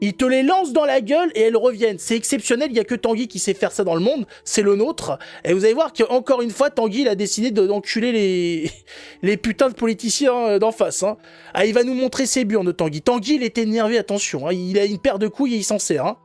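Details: Adult commentator; typical speech.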